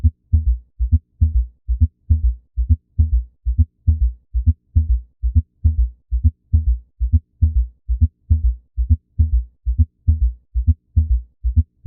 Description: The S3 and S4 heart sounds can be heard together in a gallop. This combination of extra heart sounds is often a suggestion of underlying pathology such as congestive heart failure